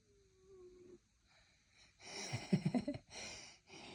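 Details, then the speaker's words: Sleeping cat, Wimpy: quiet breathing with a faint whistle, then a fluttering, rattly snore on one breath, followed by softer breathy sounds; snoring. "I don't know if we can hear him on this, but Wimpy's snoring. Wimpy, are you snoring?"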